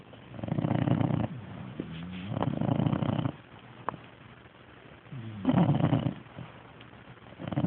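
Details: A sleeping dog snores: two long, rough, rumbling breath sounds a few seconds apart, with quiet breathing between them.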